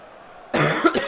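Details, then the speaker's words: Persistent cough in a sick adult who reports feeling at about 50% breathing capacity: a short, forceful cough bursts out after quiet room noise, with a second smaller push at the end. "today I still have not shaken this bloody cough although the rest of it got worse"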